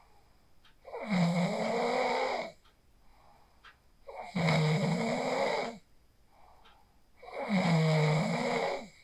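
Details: Real sleep snoring recorded on a phone after practicing the 4-7-8 breathing technique: loud rattling snores on each inhalation, about 19 breaths a minute, quiet pauses between; ordinary snoring.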